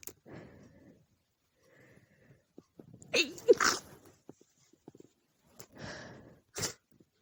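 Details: Female sneezing at night from a tickling nose: quiet sniffing and breathing build-up, then sharp explosive sneeze bursts from several recordings stitched together; low audio quality.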